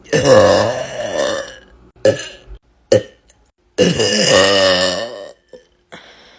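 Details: Girl burping loudly: two long, loud, voiced belches with short croaky bursts between them; forceful burping.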